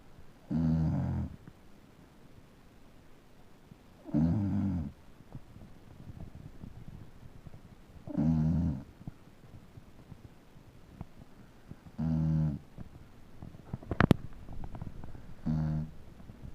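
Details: A sleeping male Beagle snores in regular, rumbling snores about every four seconds, roughly 15 a minute, with quiet breathing between; he snores every time he sleeps.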